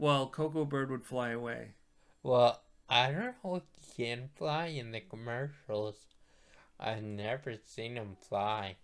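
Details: Post-stroke speech impairment in a male stroke survivor, who attributes his voice to his stroke.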